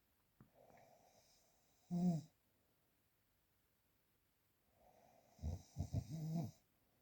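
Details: Real, unprocessed snoring recording: soft breathing followed by low, fluttering snores, the second broken into several quick vibrating bursts.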